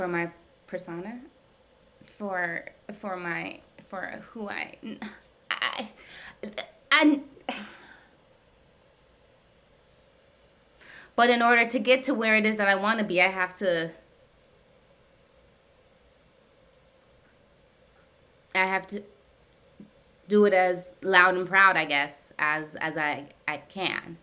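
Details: Adult woman who stutters, with usually silent blocks, in ongoing therapy with a speech pathologist; word repetitions; stuttering.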